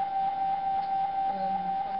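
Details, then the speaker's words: MRI scanner sequence during a cervical spine series on a volunteer nurse, after a short overview scan; each sequence sounds different: continuous loud, even tone with faint room sounds. "every sequence has a different sound this is the sound of this"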